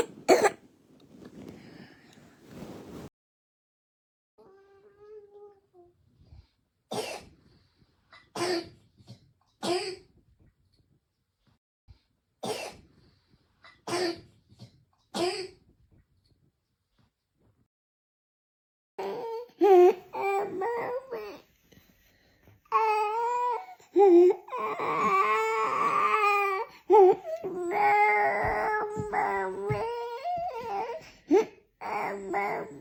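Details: A real child with croup gives repeated harsh, barking, seal-like coughs from an inflamed, swollen voice box: croup barking cough.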